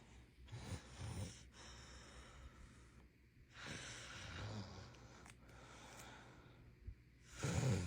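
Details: Sleeping woman with slow, rough, low snorting breaths, about eight a minute; snore tape is then applied to her to promote nasal breathing, and she denies snoring: snoring.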